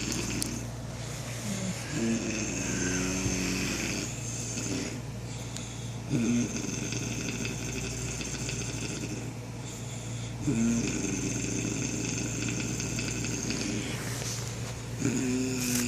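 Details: Slow, rough snoring, about one breath cycle every four seconds (roughly 14 a minute), over a constant mechanical hum.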